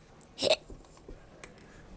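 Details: A single sharp, abrupt hiccup with a quick catch of breath, then quiet room noise; hiccups recorded by a streamer.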